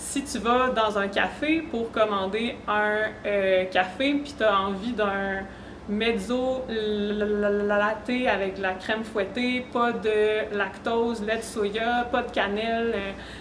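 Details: Real stuttering in an adult woman who stutters and is a speech-language pathology student; she reports her stuttering involves blocks, sound prolongations and repetitions that increase with stress or fatigue.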